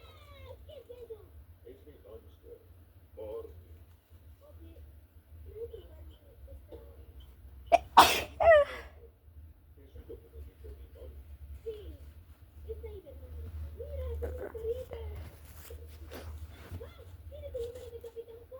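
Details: Girl's single loud, forceful sneeze over quiet talk and a television cartoon playing in the background.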